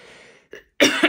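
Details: Woman with a cold, sore throat and hoarse, nearly lost voice: after a quiet breathy lead-in and a brief catch, one loud, harsh cough bursts out with a second push.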